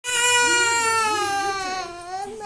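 A single sustained, high-pitched wail from a baby with a steady tone that tapers at the end; ordinary infant crying.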